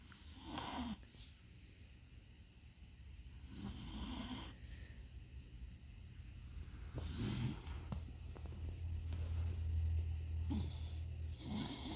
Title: My Dog Snores With Eyes Open #pets #dog #animal #snoring #cute #sleepy #hilarious #funny